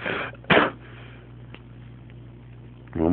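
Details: Single cute sneeze after excited dancing: a short, sharp burst of air after a brief breath in, heard over room hum; sneeze.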